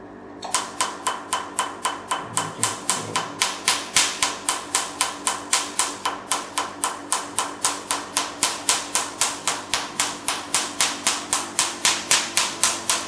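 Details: Rapid, very regular, sharp snapping clicks, about 230 a minute, from a Q-switched Nd:YAG laser firing during a "black doll" skin treatment, with the patient saying it's okay when asked if it hurts.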